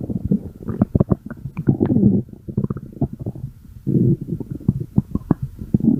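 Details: Stomach growling (borborygmi).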